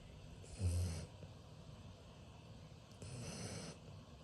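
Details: Very sleepy boy asleep: two low rumbling breaths, the first a brief snore with a soft snort, the second quieter; light snoring.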